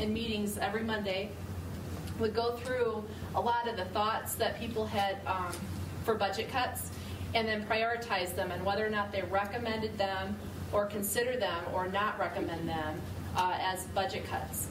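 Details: Adult woman speaking; ordinary speech.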